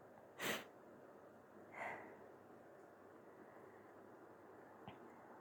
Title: A few false starts, some soft sneezes, and a little nose blow at the end. 🥰